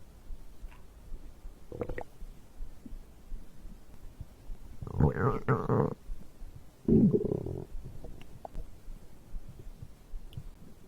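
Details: Bowel sounds after drinking a beverage: three low gurgling rumbles over a quiet background; stomach growling from digestion.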